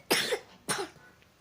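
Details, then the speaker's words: Two short, sharp coughs, about half a second apart, from a 2-year-old girl said to be sick, in a quiet indoor room; an ordinary cough. "Ya batuk dulu. Alia sakit."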